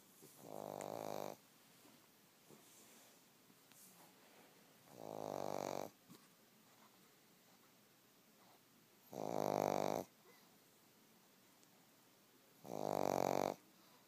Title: snoring